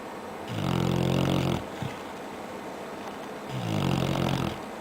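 Two deep, rumbling snores about three seconds apart during sleep.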